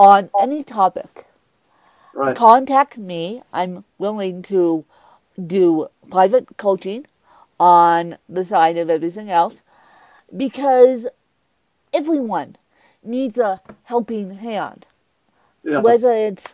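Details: Mild dysarthria in a woman with cerebral palsy who uses a walker; she says her speech impediment is milder than her interviewer's.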